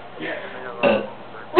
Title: Burping CONTEST!